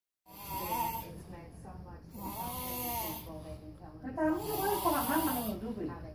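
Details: Adult snoring heavily in sleep, with loud, rough, buzzing breaths and a droning, voice-like tone in uneven cycles; the uploader suggests the snoring may point to sleep apnea.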